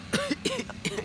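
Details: A child with an itchy throat gives three short, dry cough bursts in about one second, an irritated-throat cough.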